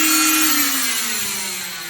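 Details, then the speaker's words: Oscillating cast saw on a fiberglass short arm cast, shown against skin to demonstrate it cuts only hard cast material, not skin; loud, steady, high-pitched buzzing whine with slowly dropping tone. "So at that point, it can't cut skin, only on hard portions of the cast it can cut."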